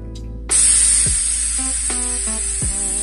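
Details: A FreezPen cryotherapy pen, used to treat benign skin lesions such as warts and keratoses, emptying a nitrous oxide cartridge: a sudden loud, steady hiss with faint tones in the background.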